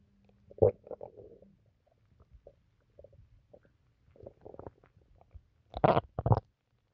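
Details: Stomach noises (borborygmi) after drinking water: irregular gurgles, squelches and low rumbles from the abdomen.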